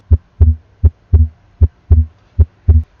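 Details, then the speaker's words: Normal heart sounds by stethoscope at the pulmonary auscultation point, after the aortic point, during medical student training: clear paired lub-dub at about 80 beats a minute, normal rhythm. "so here are all the sounds of all the aspiration points first is the sound of aortic auscultation point now is the sound of the pulmonary escalation point"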